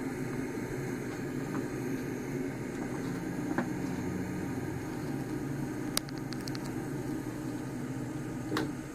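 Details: Small travel CPAP (DreamStation GO, AirMini or Transcend) running at 10 cmH2O with flex 3, compared for loudness; CPAP machine running noise.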